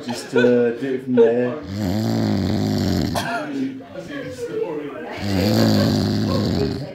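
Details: Drunk man snoring: loud, rough, rumbling snores recurring throughout, faint voices in the background.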